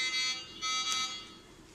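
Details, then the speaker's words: Short bursts of a shrill electronic alarm from the ventilator of a Boyle's anesthesia machine during a teaching demo, sounding because the oxygen cylinder is not turned on; a machine-problem alarm. "If alarm is coming means, why alarm coming means I am not on the oxygen cylinder. That's why it's indicating me."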